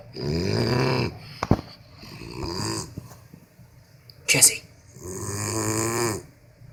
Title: Jesse the dog snoring/ breathing